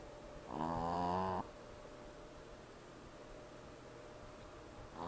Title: jazzy snoring in cast